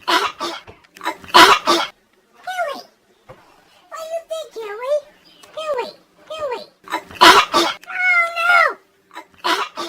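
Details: Coughing fit from a cat named Hillary, who collapses and gets back up: several harsh, explosive coughs with plaintive meows in between.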